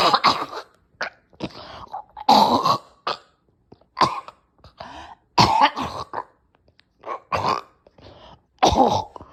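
Repeated harsh coughs and throat-clearing in irregular bursts with strained gasps between, a severe coughing fit with choking.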